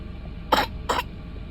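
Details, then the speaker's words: Young child coughing up phlegm after chest massage: two short, loose productive coughs with audible rattling phlegm, over faint room hum; child then spits it out. "我能听见你的痰，呼噜噜的。咳，再咳，咳，深呼吸，咳，"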